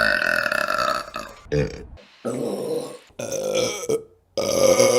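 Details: Several loud, drawn-out voiced belches in a row, separated by brief pauses: repeated burping.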